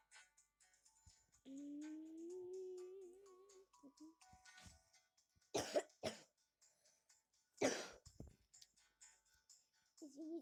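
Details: A few seconds of humming, then a couple of sharp coughs and a throat clear from a girl who says she is ill, recorded while she plays a video game; coughing during an illness.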